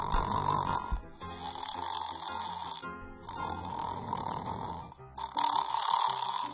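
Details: A husband snoring, keeping his wife awake, with irregular, snorting, grunting snores over loud background music.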